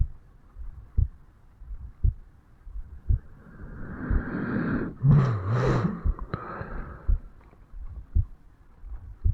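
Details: 35-year-old male, heartbeat self-recorded over the mitral valve area on waking in the morning: regular low thumps at about 57 beats a minute, with a burst of rubbing noise midway; normal heart sounds.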